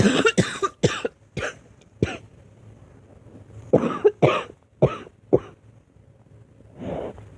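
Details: Girl coughing: about nine sharp, dry-sounding coughs in two bouts, then a soft breathy exhalation; repeated cough.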